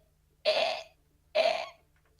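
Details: Two short, harsh cough-like bursts about a second apart, recorded during talk about a person's unusually weird-sounding hiccups; cough.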